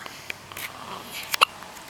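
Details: Baby girl, eyes open, possibly sleepy, hiccupping: a single sharp, brief hiccup sound over a quiet room background.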